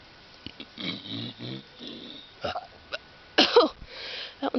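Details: Deliberate burping, recorded outdoors while sitting on a rock near a bluff edge: a low, drawn-out throaty belch followed by brief voiced sounds, with some talk and noise in the background.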